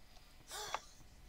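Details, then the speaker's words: Faint, distant sneeze from an adult man in the background: a breathy intake rising into a short sharp burst over low room noise, recurring repeatedly. "what's that noise that noise that noise that that repeatedly that's my dad sneezing all I can hear it"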